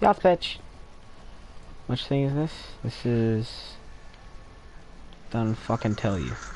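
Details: Adult male speaker; typical speech.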